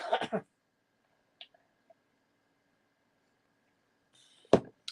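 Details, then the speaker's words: Adult recovering from illness coughing again: a few short, harsh cough bursts, one at the start and one near the end, separated by quiet room sound. "starting to cough again but I think I've managed pretty well don't you"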